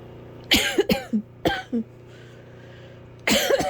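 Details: Hard coughing: several harsh, forceful coughs in two bouts, some followed by a short throaty catch, over a loud steady fan hum.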